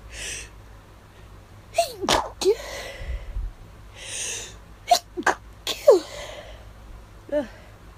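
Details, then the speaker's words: Induced allergy sneezes after hours of nasal itch, getting hard to stifle: several stifled, muffled sneezes in a quick run, each with a sharp in-breath before it. "These are getting hard to stifle. Ugh."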